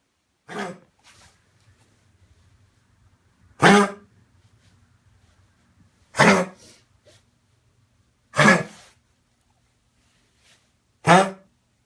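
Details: A dog with kennel cough (infectious tracheobronchitis) gives five harsh, honking, throat-clearing coughs.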